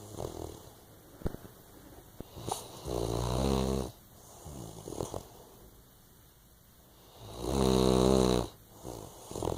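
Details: A girl snoring.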